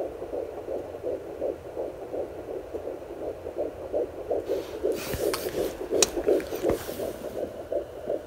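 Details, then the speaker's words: Fetal heartbeat at 9 weeks of pregnancy, recorded with a fetal Doppler: rapid, regular whooshing pulses at roughly 165 beats a minute. "we did do the fetal doppler and we had the chance to record the sound of the heartbeat"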